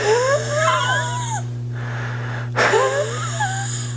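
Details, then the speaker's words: High, whistling, musical wheeze with shifting pitch on breathing, a true wheeze from narrowed airways raising concern for asthma or pneumonia. "and this makes us worry about asthma or pneumonia so if your child has a true whee and they're having problems breathing you need to see the doctor"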